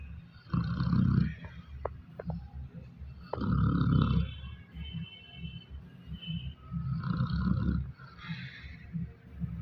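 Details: Dog snoring while asleep on New Year's Eve: low, rumbling, irregular snores about 20 breaths a minute, with some snorts and background noise.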